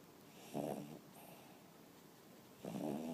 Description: My dog snoring